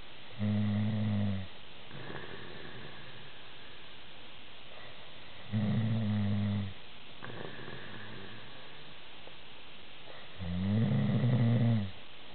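Loud, deep, rattling snores on the in-breath at about 12 a minute, with quieter breathing between; heavy snoring.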